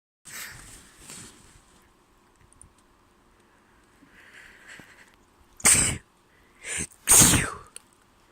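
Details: Sneezing fit in a person with a spring cold, sore throat the day before and a stuffy nose: soft breathy sounds, then three sharp sneezes in quick succession, the last the loudest.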